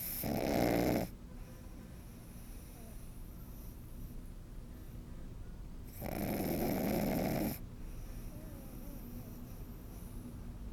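Two long, rattly snoring breaths several seconds apart over steady background hiss. Puppy snoring.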